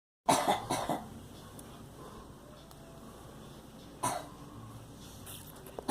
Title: Girl coughing